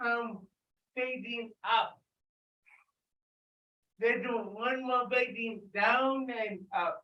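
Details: Dysarthria in an adult with cerebral palsy, speaking loudly during an exercise session.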